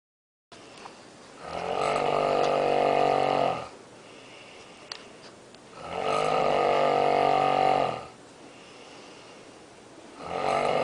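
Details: Person snoring loudly at night in a hotel room in Djerba: loud, harsh snores about every four seconds, roughly 14 a minute, with quiet breathing between; heavy snoring.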